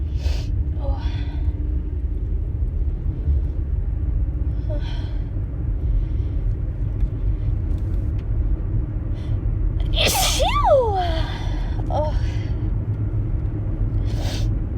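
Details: Several small, high-pitched sneezes from a young woman, done on request, over a steady low rumble like a running vehicle.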